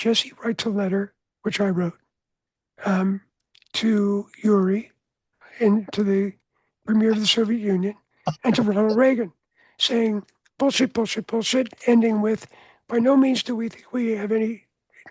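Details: Adult man whose voice was altered by throat cancer treated with surgery, radiation and two years of experimental chemotherapy, with no recurrence since; voice change after throat cancer treatment.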